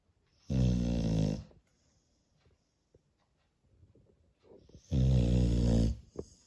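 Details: Sleeping spaniel dog snoring: two loud, rough, rattling snores about four seconds apart, with quiet breathing between.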